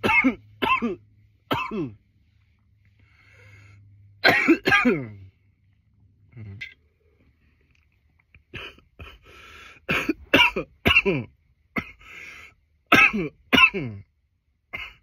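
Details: From nearly 10 minutes of coughing: about fifteen sharp coughs, mostly in clusters of two or three, some with a voiced throat-clearing quality.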